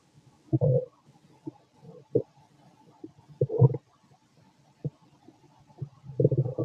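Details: Irregular low gurgles and rumbles, about 20 a minute, from a fit male's stomach after lunch and a carton of milk, recorded with a stethoscope; ordinary bowel sounds.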